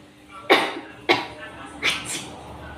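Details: Simulated demonstration cough for a cough-etiquette educational video: three short, sharp acted coughs from an adult, the last followed by a smaller second burst, over faint room noise; a simple dry-sounding cough.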